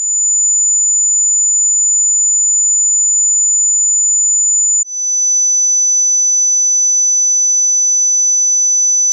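Steady high-pitched pure tone that steps slightly lower partway through, as used in a frequency hearing test.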